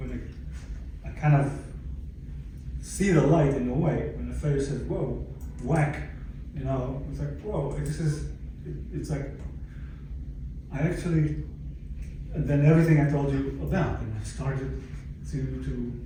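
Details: Adult male stroke survivor with aphasia about 11 years after his stroke; aphasia.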